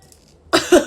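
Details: Two quick harsh cough bursts with a gagging, throat-clearing quality after near silence, during a self-administered COVID-19 nasal swab test; the person says they feel like throwing up.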